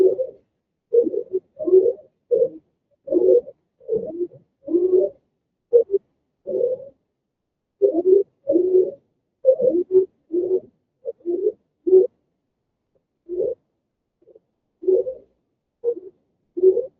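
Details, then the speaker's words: Repeated harsh, musical, honking breath sounds with short gaps: stridor, indicating upper airway obstruction, played as a teaching recording in an EMT airway-management class. "There's your strider. And if you ever walk into a house and hear that from the door, your holster should go because that is not a good sound."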